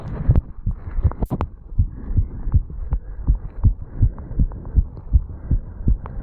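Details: 35-year-old male, recorded at the mitral area after jogging up stairs, some running noise: rapid, steady low heart thumps through a stethoscope; fast heartbeat after exercise, a normal response to exertion.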